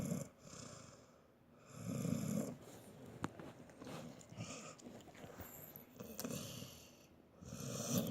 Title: He's old and snore even worse